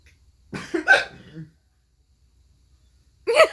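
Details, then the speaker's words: A son's severe, sudden fit of hiccups: abrupt, sharp voiced catches with a gulping quality separated by quiet gaps; he reports trouble breathing. "no it's a pretty severe fit of hiccups daniel i couldn't resist"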